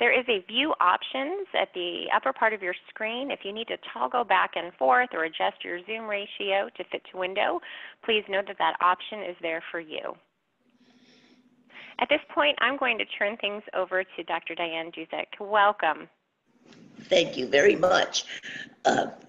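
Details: Adult woman speaking over a telephone-quality line; normal voice.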